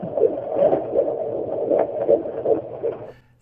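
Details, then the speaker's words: Fetal heartbeat of a surrogate pregnancy at almost 17 weeks, checked by ultrasound Doppler after bleeding, before a sonogram: rapid, regular whooshing pulses at about 155–160 beats per minute, reported as strong. "obviously before she went in for her sonogram they were able to check the baby's heartbeat"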